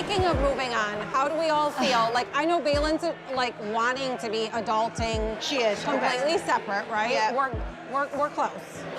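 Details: Adult woman speaking; normal speech.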